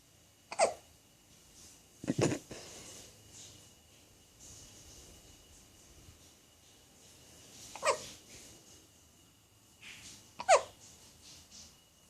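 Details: Baby hiccups: five sharp, brief catching sounds a few seconds apart, about 25 a minute, in a quiet room.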